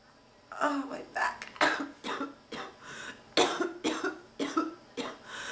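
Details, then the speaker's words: Run of about nine harsh, barking coughs in quick succession in an ill woman with a non-stop cough who is still fighting off the illness and says her back hurts badly from coughing; persistent coughing fit. "thank you my back hurts so bad from coughing yeah"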